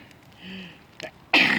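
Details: Woman sneezing repeatedly by an outdoor bonfire, allergies mentioned: brief intake and catch, then a loud hissing sneeze burst.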